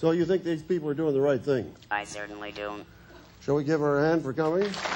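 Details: Adult male speaker; normal voice.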